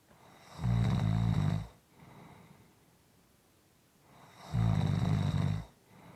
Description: This is a 6 1/4 minute clip of snoring.